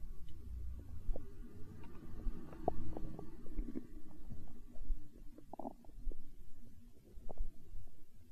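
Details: Hunger stomach growl in an ASMR recording: continuous deep rumbling with scattered gurgles and small pops, ordinary stomach growling (borborygmi).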